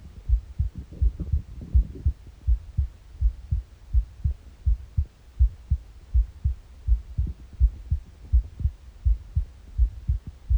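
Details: Morning recording: steady, regular low thumps at about 80 beats a minute, with a few soft gurgles from an empty stomach in the background; normal heart sounds.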